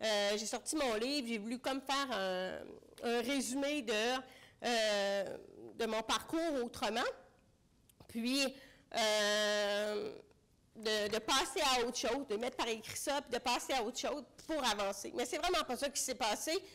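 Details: Deaf speech in French from an adult woman with congenital bilateral severe-to-profound hearing loss; she used a hearing aid for about thirty years, recently finished cochlear implant rehabilitation, and relies on lip reading.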